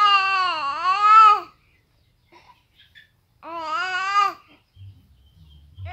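Two drawn-out wailing cries from an infant, rising and falling in pitch, separated by quiet pauses; fussy infant crying.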